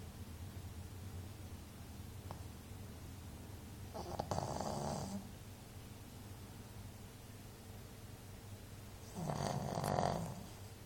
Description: This Shih Tzu sleeps and snores as soon as he lies down.